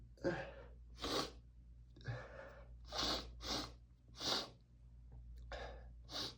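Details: Several sharp, hissing bursts with short breaths in between, from an adult allergic to dust who is reading a book aloud; a run of sneezes.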